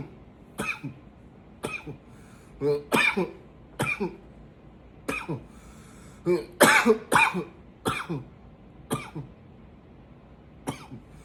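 About ten forceful, separate coughs at irregular intervals over roughly eleven seconds, some in quick pairs; a repeated intense cough.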